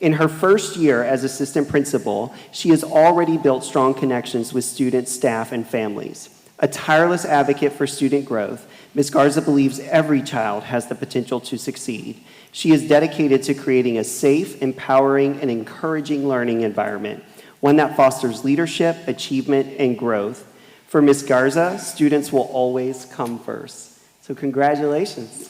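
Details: Adult speaker; Normal speech.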